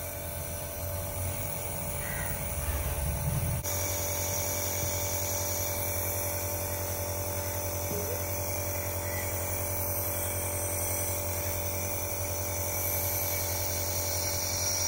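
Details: Dr Trust 401 compressor nebulizer running with plain water for a demonstration, with adjustable airflow: a steady low mechanical hum and buzz with constant airflow hiss; normal device operation.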